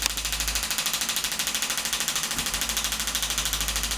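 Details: Radial shockwave device treating hamstring tendinopathy at the hamstring origin over the ischial tuberosity with gel, 2,500 pulses at 12 Hz and 2 bar: steady train of rapid, sharp clicking pulses.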